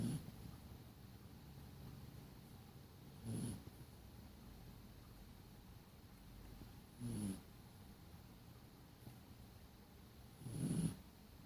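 Soft, low rumbling snores from a sleeping dog, about one every 3.5 seconds, roughly 17 a minute, over quiet room noise.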